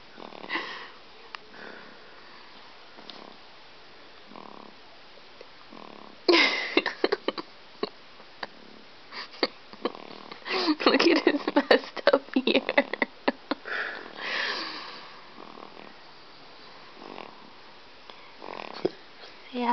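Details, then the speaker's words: Snoring from a young child, described as too young to snore, with a little pig nose; irregular snorting, sniffing breath noises with rattly bursts during sleep. "somebody's snoring I can't hold it without shaking know you"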